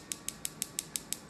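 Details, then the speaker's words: A Storz Medical focused shockwave (ESWT) device fires with a stand-off for shallow treatment, about 20 mm deep, as used for shin splints. Evenly spaced sharp clicks at 6 Hz, adjustable down to about 3 Hz, are heard, with gel on the skin. "much slower clicking sound on six Hertz there and you can come right down to about 3 Hertz the treatment takes a lot longer now with a bit of gel on you can feel the shock wave coming through"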